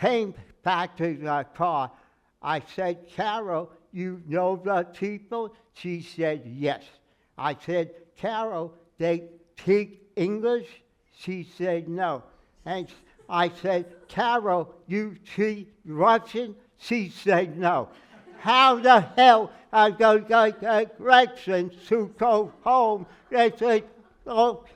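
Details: Adult man with aphasia after a stroke, noticed on waking; speech never recovered beyond about 80%; in speech therapy and an aphasia group; word-finding errors and garbled phrases; aphasia after stroke.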